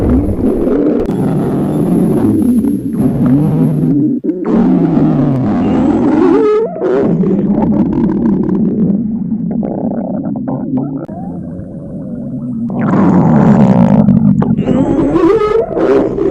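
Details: Stomach growling from a high school girl who skipped breakfast before a body measurement at school, described as an imagined scenario: long, loud, low gurgling and rumbling growls rising and falling, typical hunger borborygmi.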